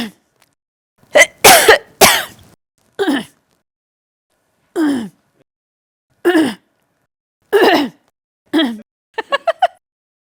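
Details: A sound-effect recording of an adult woman coughing: three harsh explosive coughs close together, several separate throat-clearing coughs, then a quick run of short hacks.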